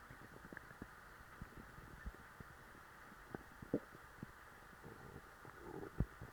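Irregular low gurgles and soft rumbles over quiet room noise, stomach growling from a full stomach; ordinary bowel sounds.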